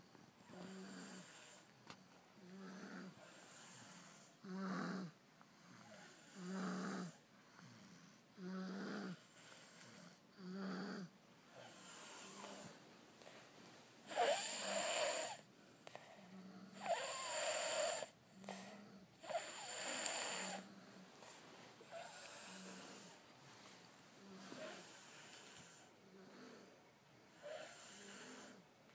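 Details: Repeated soft snoring from two sleeping dogs, with low rumbling snores and occasional louder, breathier snorts.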